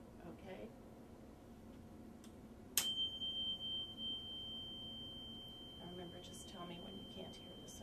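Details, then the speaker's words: Rinne hearing test, comparing air to bone conduction: a struck tuning fork is held on the bone behind the ear, then in front of the ear. Sharp tap, then a pure steady ringing tone that slowly fades. "I'm going to put it right in front of your ear and you'll still hear it and I want you to raise your finger when the sound stops again what we normally find is that the sound in front of your ear is going to be twice as long as the sound that you hear here"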